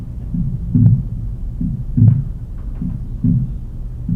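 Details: Physiological splitting of S2.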